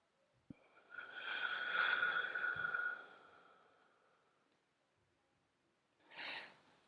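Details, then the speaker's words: A click, then a steady soft whistle for about two seconds as air is drawn slowly through a training albuterol inhaler that whistles on inhalation, demonstrating slow inhalation technique. "now this is a training inhaler and so it actually makes a noise when I start breathing in your inhaler will not do that"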